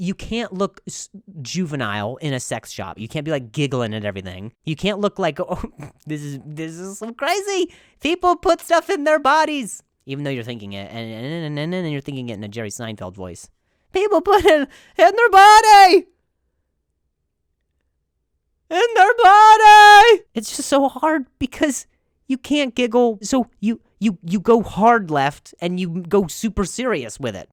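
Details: Adult male comedian telling a story in English, with part-word and phrase repetitions; stuttering.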